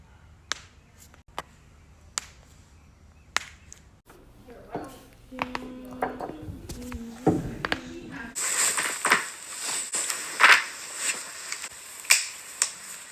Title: cracking joints